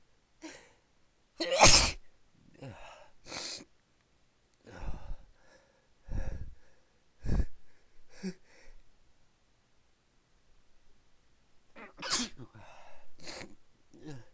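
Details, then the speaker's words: Run of explosive sneezes with sharp in-breaths between them, several in quick succession over about fourteen seconds, from an adult who has been sneezing all day and kept sneezing for another 20 minutes. "Oh man, I can't stop sneezing."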